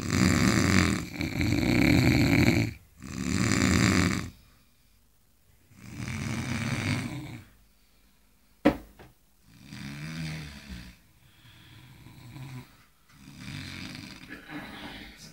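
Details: Three engineers napping after a tiring day: loud rattling snores fading into quieter snoring breaths, with a brief sharp snort partway through; heavy snoring.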